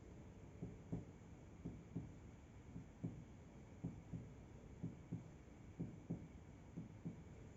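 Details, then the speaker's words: 45-year-old man, lung examination: percussion down the right midclavicular line at the lung-liver border, note changing from resonant to dull. "Selanjutnya di sini saya akan melakukan perkusi untuk mengetahui batas antara paru dan juga hepar di midclavicular line kanan. Di sini kita lihat perubahan suara dari sonor ke redup."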